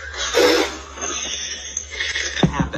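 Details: A breathy exhaled burst then two short, sharp throat-clearing coughs from a synthetic AI podcast voice imitating a human cough mid-sentence.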